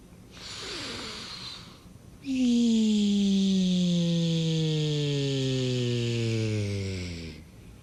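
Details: Herry snoring: a hissing breath, then a long, loud snore with a steadily falling tone over about five seconds.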